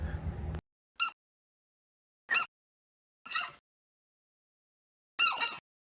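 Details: Four short, sharp, squeaky bursts a second or two apart after low background noise, a chicken pip (nasal expulsion sound), shown as a sign of possible upper respiratory problems in chickens.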